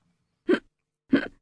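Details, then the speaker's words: Hiccups: two sudden, short, voiced gulps about half a second apart, played as an example of ordinary hiccups in a radio segment on yawning, laughing and hiccupping. "trickier that one hiccups hicups"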